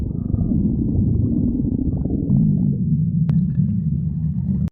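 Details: A continuous low, gurgling rumble with shifting, creaking tones throughout: loud stomach growling (borborygmi).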